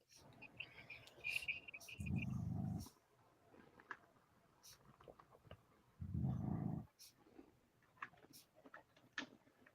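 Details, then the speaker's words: Sleeping female dog snoring: deep rumbling snores, about two breaths heard, roughly 15 a minute. "You hear the dog snoring? Here's something. You got the dog? She's over here snoring. Solid logs,"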